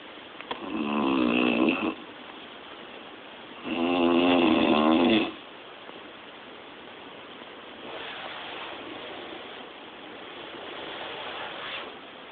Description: I woke up to my loud snoring aunt! Lol